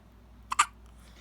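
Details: One-week-old newborn with hiccups: a single short, sharp double hiccup in a quiet room.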